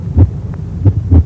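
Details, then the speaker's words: Healthy child's heartbeat, played for comparison with the child's heartbeat during a fever: soft, low, regular thumps at an unhurried resting pace; normal heartbeat. "listen this is the sound of Paul's heartbeat when he's healthy"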